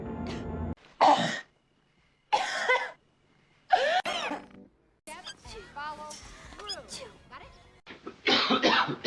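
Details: Acted coughs from a movie supercut of film coughs and sneezes; several separate coughs and throat clearing with snatches of music and speech between them; simulated coughing.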